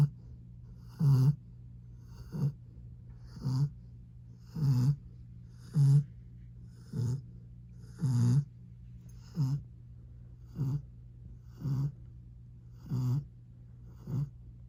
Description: My 1 year old Rottweiler Dallas decided he was going to take a nap today along my bedroom door. He was snoring good